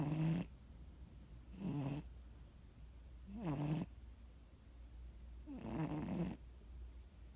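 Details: Pet Oreo snuggled up asleep in bed on a cold night, snoring loudly; Oreo later died of cancer.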